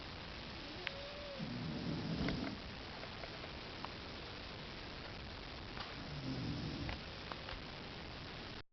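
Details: Two people snoring: the recording person snores first, then a second person.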